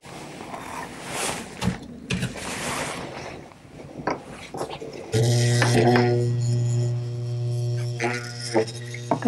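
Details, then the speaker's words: Dental lab vibrator on lowest power settling stone in the impression while pouring a stone model, removing air bubbles: scraping and tapping, then steady low hum. "you said that's the lowest power of vibration and that's just air in that can right there"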